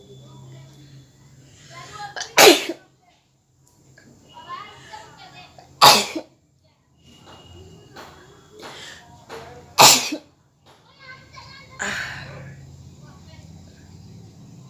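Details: Woman deliberately sneezing after inhaling red chili powder in a sneezing challenge: four loud, sharp sneezes in quick succession with soft breathing and sniffing between; repeated sneezing from nasal irritation.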